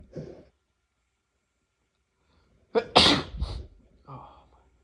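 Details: Male sneezing during an unusually tickly session, unsure whether he is sick: a loud, forceful sneeze after a short breath in, with a quieter sound before it and a softer exhale after.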